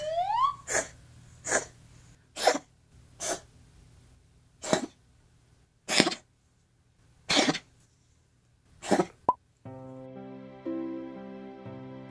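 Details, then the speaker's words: Cat cough: a run of eight short, harsh, dry bursts; intermittent coughing about every other day since January 2019, chest X-ray clear, no response to asthma medication, so asthma ruled out; very dry home air (~25% humidity). "19 년 1월부터 자녀가 이틀에 한번꼴로 기침을 했어요"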